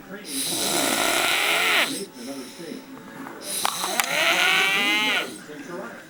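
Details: Adult man napping: two long, harsh, hissing snores with a rattling, whistling edge and a pause between them; snoring.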